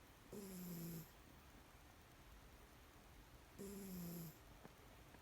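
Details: Sleeping cat on a blanket snoring: two soft, low, slightly falling tonal snores about three seconds apart; ordinary snoring during sleep.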